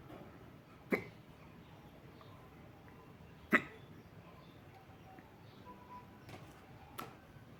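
Sharp, brief gulping sounds at irregular intervals, about four in eight seconds, over quiet room noise, typical of hiccups.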